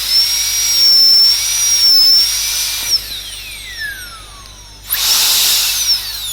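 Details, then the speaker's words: Dental drill with a straight fissure bur smoothing margins of a composite cavity: high-pitched whine in bursts, dropping in pitch as it slows, then restarting. "So we'll first smoothen the margins here."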